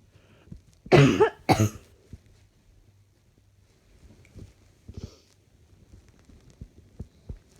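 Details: Adult coughing while trying to work, feeling rather hot: two harsh coughs in quick succession, then faint clicks and breathing in a quiet room.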